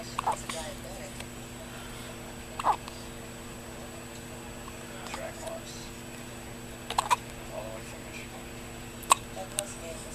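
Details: Newborn baby boy with hiccups: brief, soft, abrupt catches about every two to four seconds against steady room hum; newborn hiccups.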